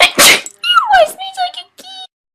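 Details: A sharp, explosive burst of air followed by brief voiced sounds in a small room: a single sneeze from a person.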